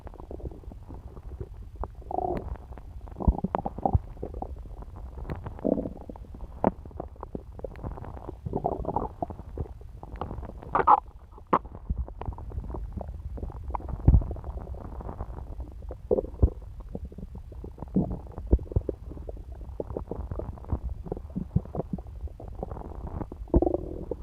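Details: An adult woman's abdomen after eating pizza: frequent gurgles, clicks and low rumbles, ordinary digestive bowel sounds (borborygmi).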